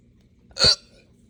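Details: Hiccup-burp brought on by drinking morning coffee too fast on an empty stomach: one brief, sharp throaty burst with a voiced gulp against a quiet background hum.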